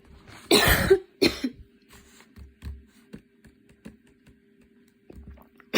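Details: Coughing fit while studying, starting minor and worsening until intense, patient changing positions (standing, kneeling, sitting with hands on knees) to relieve chest: several harsh coughs, first loudest, then weaker coughs and breaths over faint hum.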